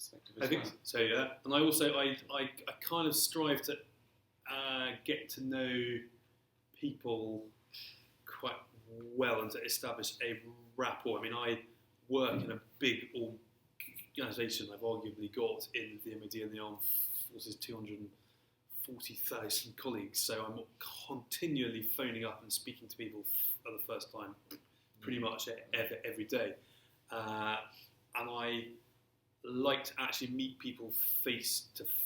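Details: Stammering since early childhood, persisting throughout his career, in an adult male civil servant.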